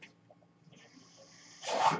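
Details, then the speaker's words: The speaker's own mechanical ventilator heard during speech: a quiet low room hum, then a sudden rush of air near the end as it delivers a breath. "hello everyone my name is that noise you're nearing is by ventilator and welcome to page turners"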